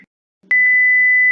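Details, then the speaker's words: Steady high electronic alarm tone after a short click from a simulated LabVIEW mechanical ventilator when air supply is set to 30 psi, below the 40–50 psi range; low-pressure alarm sounds and the system stops. "Lo dejamos a 30 psi, la alarma y el sistema se detiene."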